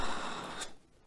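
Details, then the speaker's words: Man with moderate sleep apnea imitating mouth leak on nasal CPAP mask as his mouth falls open in sleep: brief sputtering hiss of air escaping, then fading; simulated sound. "The nasal CPAP mask sucks (as in, it's bad) because my mouth falls open when I sleep and, well... *Nozzle noises*"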